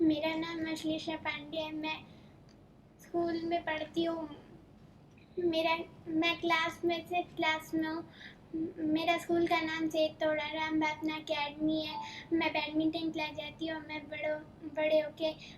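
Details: Girl with profound hearing loss identified around age 1 to 1.5, little benefit from hearing aids, cochlear implants (bilateral) since June 2011, about 8 years' use, with rehabilitation and speech therapy; speech of a child with cochlear implants.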